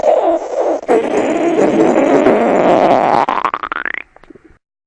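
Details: Long gurgling rumble ending in a rising, squeaky rattle of bubbling pulses: ordinary stomach growling (borborygmi).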